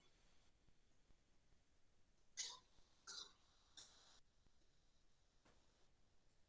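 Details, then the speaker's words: Pigs with a classic case of swine influenza, some animals not moving and with watery eyes: frequent dry coughing, typical of the porcine respiratory complex. "ahí vemos un caso clásico de de influenza porcina tos seca frecuente"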